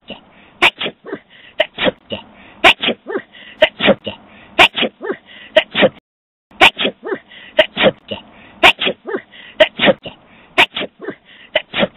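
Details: Person sneezing: a rapid run of short, sharp nasal bursts, several every few seconds; a repeated sneezing bout.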